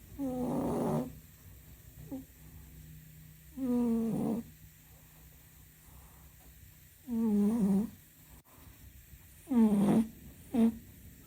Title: Kem is snoring so loudly today #cat